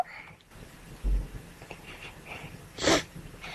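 Sniffling, held breaths and a sharp burst near the end, a single sneeze after trying to hold it back.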